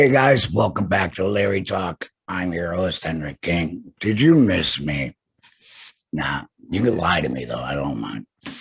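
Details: Alaryngeal tracheoesophageal speech with voice prosthesis in an adult man after total laryngectomy for throat cancer, vocal cords removed.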